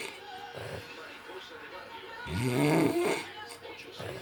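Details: Snoring during sleep: one low, rumbling snore, partly masked by a television playing Spanish speech and music.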